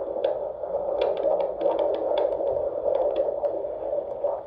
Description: Fetal doppler heartbeat at 20 weeks and 2 days.